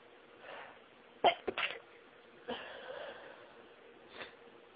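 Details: Sneezing during a fit with deliberately stifled sneezes: a few sharp sneezes, some held back, with soft breaths between them.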